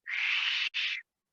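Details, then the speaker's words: Mouth-made imitation of wheezes (sibilant rhonchi): two airy, high whistle-hiss bursts, like air passing through contracted bronchi. "porque los bronquios se contraen y hacen una especie de silbido como cuando usted en el viento en determinados lugares"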